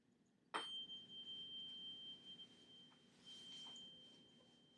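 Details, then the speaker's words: Clear, steady high ring of a struck tuning fork slowly fading during a Rinne test in a health assessment demonstration, placed behind the ear then in front; air conduction twice as long as bone conduction, normal. "I'm gonna put this tuning fork behind your ear to test for a bony conduction and then move it to the front test for air conduction of rehearing okay"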